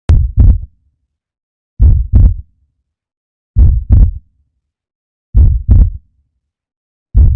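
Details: Normal heart sounds: slow, regular paired low thumps, a clear lub-dub heartbeat at about 34 beats per minute.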